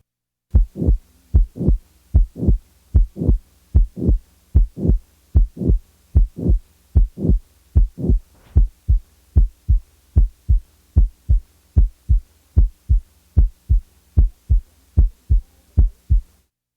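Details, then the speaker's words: Simulated heartbeat at about 75 a minute with a soft, high-frequency blowing sound late in systole running up to the second sound, as in mitral valve prolapse. The murmur is added then removed. Late systolic murmur. "the next example is that of of a late systolic murmur in a patient with a mitol valve prolapse"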